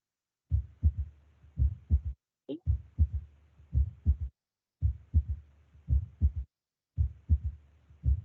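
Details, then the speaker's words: Third heart sound (S3 gallop) in a nursing physical-exam lesson: low heartbeat at about 55 a minute with a soft extra sound after S2; described as physiological in children or young people, pathological otherwise, heard at the mitral area. "aí a gente entra no os tons a normais que são os ritmos triplos que é o B3 que é a terceira boa aí vai fazer tum"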